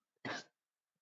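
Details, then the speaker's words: Single short, harsh cough burst in a quiet room, at first expected to be a sneeze; the cough hurt. "sound like cough more than a sneeze. And it hurt like a cough."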